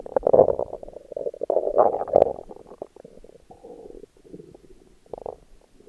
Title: My Stomach Growling while in a Bikini. 🥰💕